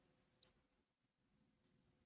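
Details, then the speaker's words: An adult stretching and manipulating the spine produces two sharp, faint clicks about a second apart, described as snap crackles in the spine: spinal joint cracking (crepitus). "Oh, I don't know if you can hear that. Oh, there's a few little snap crackles in there in the spine, right? Oh, it feels so good."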